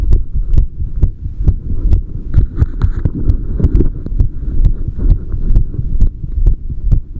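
Deep, regular thumping heartbeat of about 66 beats a minute, with a steady low hum behind it.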